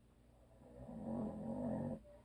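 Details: A single rough, rumbling snore lasting about a second, then quiet room noise, from a husband who habitually snores; audio only.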